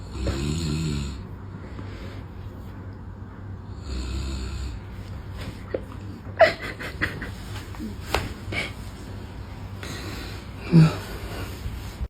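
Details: Snoring: two low, rumbling snores, then irregular snorts and clicks with a steady room hum.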